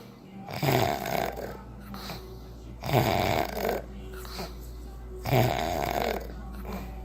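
Three loud rattling snores on inspiration, about 25 breaths a minute, with a steady low hum in the room.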